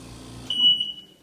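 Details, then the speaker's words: Oxygen concentrator unplugged from the outlet during a preventative-maintenance check gives a sharp high-pitched electronic power-failure alarm beep that keeps sounding until switched off, showing the switch works and power was reaching the machine. "how we determine if the switch is good the switch is it has to be when you unplug it this means that the switch is good and it has enough power coming in from the outlet into the machine switch let's try it yourself so we should hear a beep"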